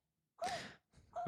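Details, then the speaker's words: A female puppy sitting on her owner's lap gives a short, harsh, honking cough, then a second, briefer one; the owner suspects kennel cough. "It kind of got me I think it's kennel cough or something like this."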